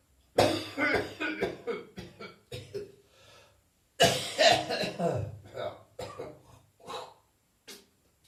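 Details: New Year coughing, gagging and spitting in an ongoing, persistent cough: two bursts of harsh, repeated coughing with throaty gagging and spitting sounds between them.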